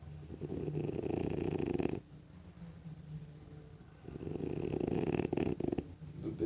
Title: FRENCHIE RECON SNORING UP A STORM